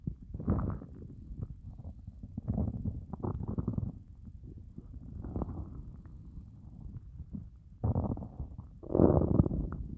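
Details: Stomach growling after fasting well over 24 hours (30+ hour fast), very hungry: low gurgling rumbles and groans rising and falling in irregular bursts; loud hunger borborygmi, a normal bowel sound.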